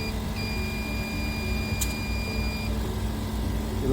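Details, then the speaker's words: iSAVE system splitting one ventilator between two patients: steady high-pitched alarm tone over low machine noise as the high PEEP alarm for the left patient is triggered on the alarm screen during a demonstration; ventilator alarm. "let me show some of the alarms in action so let's open up the alarm screen"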